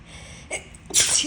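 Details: Brief in-breath followed by a single sharp, explosive burst of air: an ordinary announced sneeze.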